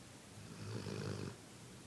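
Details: Sleeping dog snoring: a single low, rumbling snore on one breath, against faint room noise; snoring.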